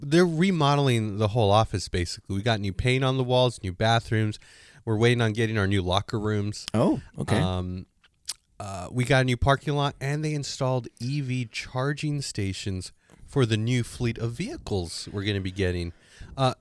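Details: Adult male speaker; typical speech.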